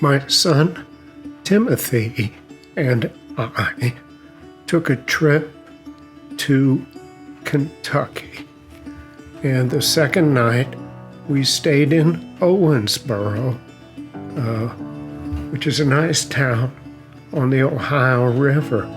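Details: Adult male narrator who says he has a mild essential tremor that causes an audible voice tremor; essential voice tremor.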